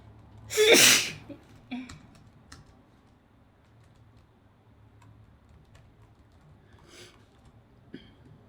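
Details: Person sneezing while wearing a mask: single loud, muffled sneeze with a sharp burst of air, then quiet breathing and faint room sounds.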